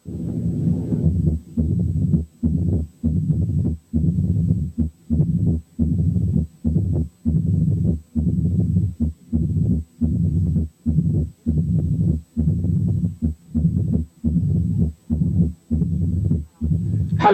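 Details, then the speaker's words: Mitral stenosis with atrial fibrillation, heard over the mitral area with the stethoscope bell. "8 كانت حالة ماترال ستينوزيس واترال فيبريليشن."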